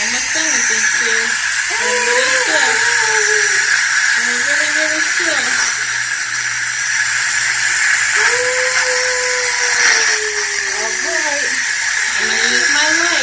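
Steady loud hiss of dental air and suction with a child's muffled voice over it during sealant application.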